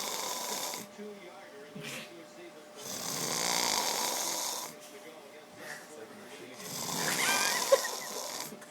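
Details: Loud, rough, rattling snores in long noisy bursts with quieter breathing between, roughly every three to four seconds; snoring.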